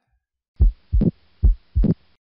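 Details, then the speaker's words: Mitral valve prolapse, heard loudest in the mitral area: two heartbeats near 70 a minute, each with a sharp mid-systolic click and a short late systolic regurgitant murmur ending at S2. "lic click we just talked about that and then after this we can get some regurgitation and some turbulent flow that results in a murmur that ends at s2 of course since this is mitral valve prolapse it's going to be loudest in the mitral area"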